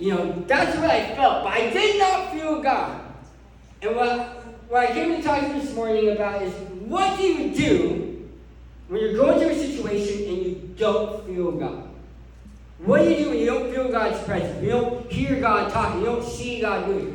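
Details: Adult man who lost 80% of his tongue to cancer, with a permanent speech impairment after partial glossectomy.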